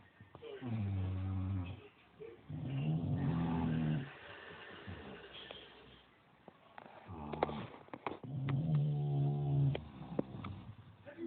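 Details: Deep, drawn-out rattling snores with snuffly breaths between them from bulldogs or a Staffy sleeping in the afternoon.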